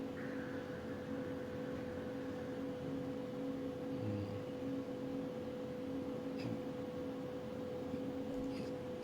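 A steady hum with a constant tone and pulsing background noise comes from a CT scanner running a head scan.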